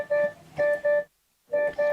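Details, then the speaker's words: Welch Allyn Connex Vital Signs Spot Monitor: repeating pairs of clear electronic warning tones with brief pauses, sounding when a patient's vital signs fall outside set alarm limits; patient monitor alarm tone. "the monitor will alarm when a patient's Vital Signs measurements fall outside of set alarm limits there are high and low priority alarms when an alarm is triggered the relevant tile is highlighted and a warning tone sounds"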